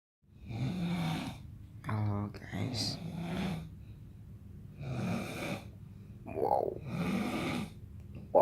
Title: Ngorok nya